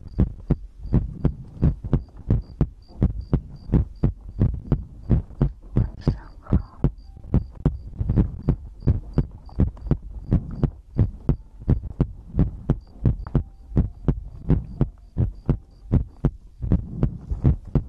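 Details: ASMR recording of a person's own heartbeat made for sleep: steady, regular low thumping at about 80 beats a minute with faint background hum; normal resting heartbeat.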